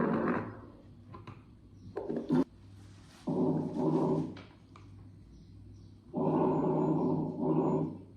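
Soft, low rustling breaths at about 20 a minute: normal vesicular breath sounds over the lung.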